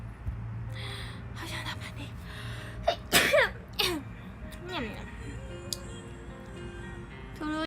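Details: Non-Japanese Asian person sneezing: a quick gasp, then a sharp sneeze and a smaller second one, with soft music and talk in the background; sneezing.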